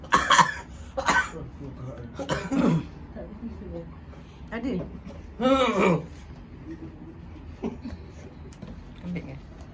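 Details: Cough lasting about a month, plus lung complaints, constipation and low back pain, during nerve therapy with an egg; several harsh, throaty coughs and throat clearing amid voices and room noise; a persistent cough.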